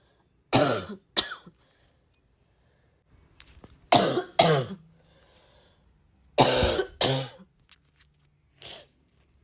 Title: i’m just a girl with a bad barking cough 🥲